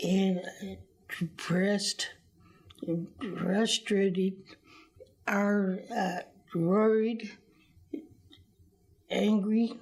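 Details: Adult speaker; aphasia.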